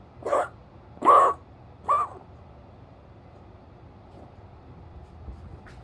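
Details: A dog gives three short, harsh coughs in quick succession, then quiet room noise: cough.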